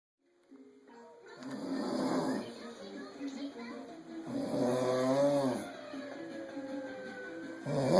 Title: Snore attack